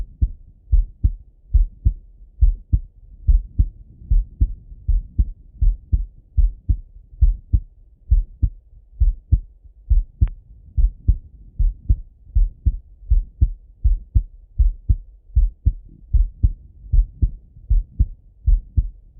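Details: Male heart auscultation, self-recorded: steady lub-dub at about 78 beats a minute, crisp paired sounds with quiet gaps; normal heart sounds.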